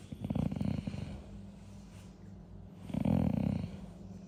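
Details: Basset Hound dog snoring contentedly: deep fluttering snores on each breath, two in about four seconds, with soft breathing between.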